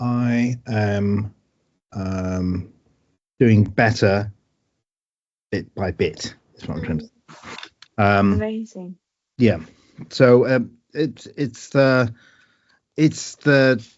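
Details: Aphasia in a man after a stroke, with word-finding difficulty, trouble saying numbers, tiredness, and needing time to speak.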